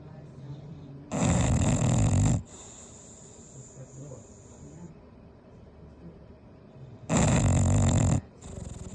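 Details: Snoring in a sleeping English Bulldog: two loud, rough, rattling snores on the in-breath, about six seconds apart, with quiet breathing between.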